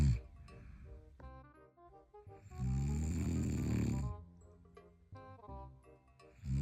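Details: Husband snoring: a loud, deep rattling snore that rises and fades once over light background music.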